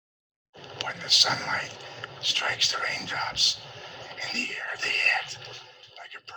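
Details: Male with one-sided vocal fold paralysis: left vocal fold not moving, so vocal folds cannot close completely; breathy voice, sounding as though whispering.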